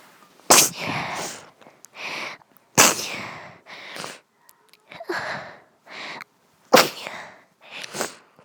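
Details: Sneezing attack at night in a female (sister): three forceful sneezes, each a sharp burst followed by gasping breaths.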